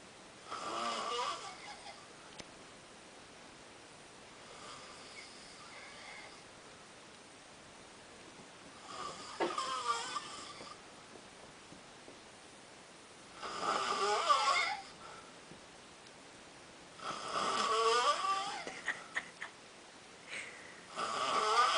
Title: Snoring?